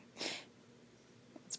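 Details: Infant boy, a day shy of three weeks old, wakes himself with a single sharp, hissing sneeze, then a soft breath and the start of another burst in a quiet room.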